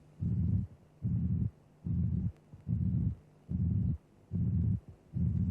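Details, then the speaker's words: Simulated auscultation teaching recording of mitral regurgitation: a regular, low-pitched, blowing pansystolic murmur of flat, constant amplitude at about 74 a minute, obscuring both heart sounds with perhaps a hint of the second sound. "notice that the sound envelope is flat the murmur has constant amplitude the murmur is pan systolic it is obscuring both heart sounds"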